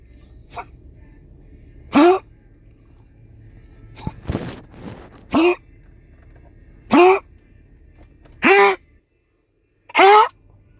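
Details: Cough recorded around 10pm: five short, harsh, voiced cough bursts with a rising pitch, spaced about one to two seconds apart.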